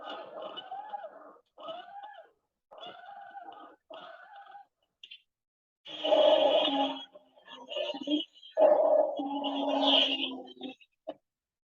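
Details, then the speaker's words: Repeated musical whistling notes like birdsong, then lower moaning tones, heard in both phases of breathing: wheezes from narrowed small bronchi; teaching example. "como pudimos escuchar aquí existen dos ruidos uno que se ve escuchar como el silbar de un pájaro que es el calor por el sonido característico de la silván cya pero la silván cya también va a poder ser escuchada como un quejido como pudieron escuchar en el segundo sonido"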